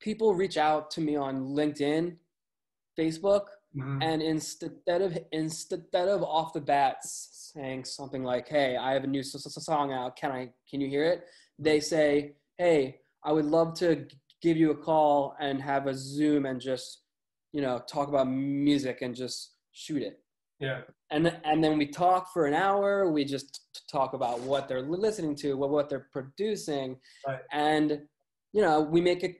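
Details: Lifelong stuttering in an adult male music journalist, who says it is audible.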